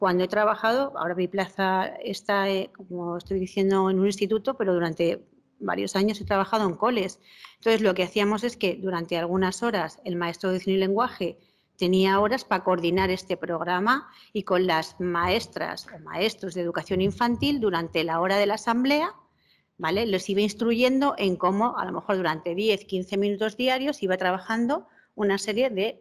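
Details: Adult woman speaking Spanish; ordinary speech.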